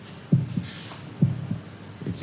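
Soft, low paired thumps, about 65 beats a minute, a heartbeat played back in a television drama.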